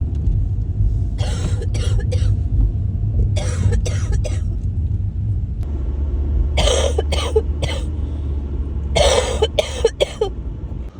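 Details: Person coughing while sick: four bursts of harsh coughing, each a quick run of two to four coughs, over steady low rumbling background noise.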